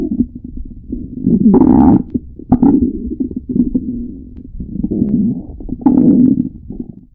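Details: Extreme stomach growling: loud, long, low gurgling and rumbling from the belly coming in waves, ordinary bowel sounds (borborygmi).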